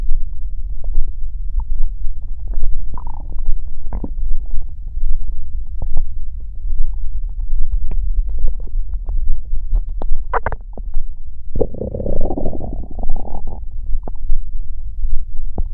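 Low gurgling rumbles and squelches with a longer growl near the end; ordinary stomach growling from gas and fluid moving through the gut.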